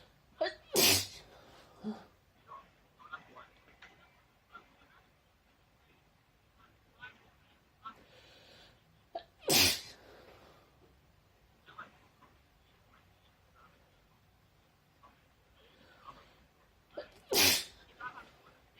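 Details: Three loud, sharp sneezes several seconds apart with faint voices between; sneezing set off by a nasal swab during Covid-19 swab testing.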